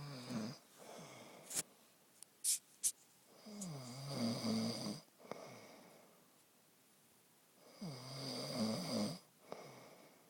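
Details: A man snoring in his sleep, secretly recorded on his own phone: slow, rough, rattling snores on in-breaths, about three in ten seconds, with brief sharp clicks and snorts between them.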